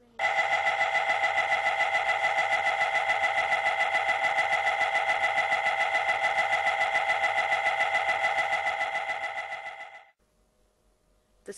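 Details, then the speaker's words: Loud, steady, rapid buzzing pulses, about 3–4 per second for ten seconds, then stopping: the louder noise of a brief, one-minute MRI scan sequence, as presented to families of children having an MRI. "the scanner will make occasional louder noises but the radiographer will Ward you before it happens one's just a little bit noisier than the others but it's a really quick one so it's only 1 minute so just try and keep nice and still for me are you still this is what the louder noises sound like"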